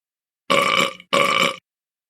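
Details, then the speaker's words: Two loud, drawn-out belches, each about half a second, in a comedy skit where a schoolgirl burps in class and is sent to the principal's office: burping. "you know burping in class is not allowed go to the principal's office right now"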